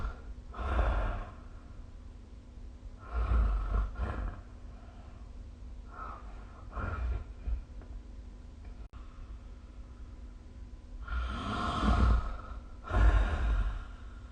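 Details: Rough, snorting snoring breaths recurring every few seconds during sleep, recorded with the SnoreLab smartphone app.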